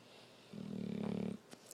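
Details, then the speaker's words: Female, possibly awake, that has long made fake snoring sounds: one short, low buzzing snore-like breath under a second long in a quiet room; imitated snore. "Are you sleepy? Fake snoring? Are you fake snoring?"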